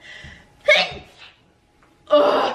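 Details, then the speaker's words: Young woman with bad allergies, also saying she is still sick, sneezing a lot: a short intake of breath followed by a sudden burst and a second forceful sneeze; sneezing. "how we do it here at the hot spring you could drink top water allergies man okay"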